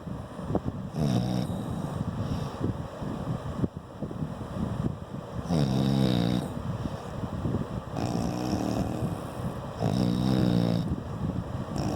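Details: Loud rattling snores roughly every four seconds against steady room noise; snoring during sleep.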